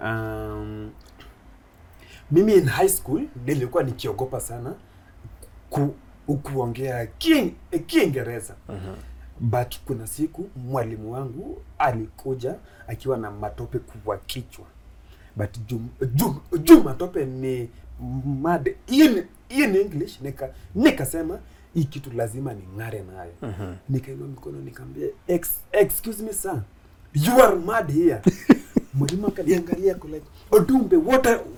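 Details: Adult Kenyan man with stuttering (stammering) since his school years; he finds plosive sounds difficult and avoids them by switching between Kiswahili, English and Luo; he reports stammering more in cold seasons and shakes his head when stammering; stuttering (stammering).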